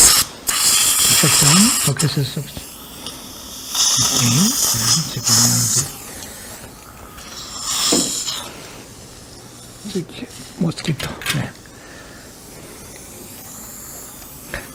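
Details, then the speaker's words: Trephine bur (5/6 mm) drilling bone during immediate implant placement in an upper second molar socket with no sound bone under the sinus floor; high-pitched bursts with water spray and suction hiss. "Sau đó, chúng ta không có lựa chọn nào khác ngoài việc sử dụng Trephine Cho tôi Trephine Tôi sẽ thực hiện Trephine 5/6"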